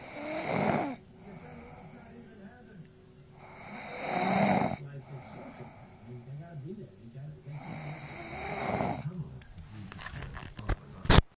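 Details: Snoring during sleep: loud, rough, rattling snores on each in-breath, three in about eleven seconds, with quieter breathing between.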